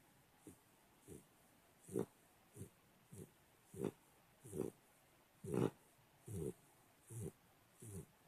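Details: Banshee, a pitbull, snoring: repeated low, rough snorting bursts with each breath, coming quickly and somewhat unevenly against a quiet background.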